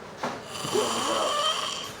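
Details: Extremely loud snoring during sleep.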